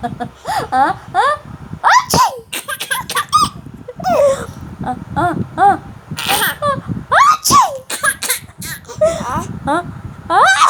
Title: Funny Baby sneeze